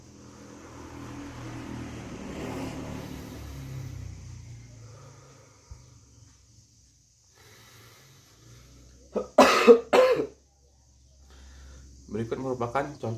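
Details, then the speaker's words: Student demonstrating effective cough technique (chest physiotherapy): three slow nose-in, mouth-out breaths, then two strong, forceful back-to-back coughs; first moves phlegm from small to large airways, second brings it to the mouth. "setelah kita melakukan hal tersebut langkah selanjutnya yaitu kita batuk secara keras sebanyak dua kali Berikut merupakan contohnya"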